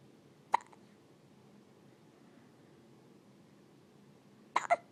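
Brief, sharp hiccup sounds from an infant, separated by a few seconds of quiet room noise.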